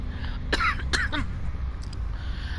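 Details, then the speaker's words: Adult streamer with a current cough problem gives two short, muffled cough bursts and a small trailing one, close to throat clearing, over low background hum; cough. "Sorry about that cough, guys. I have a little bit of a cough issue right now."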